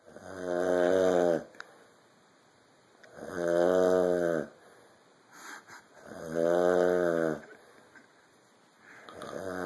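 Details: Loud, regular buzzing, droning snores, about 20 a minute with quiet pauses, from a father sleeping on the couch; snoring.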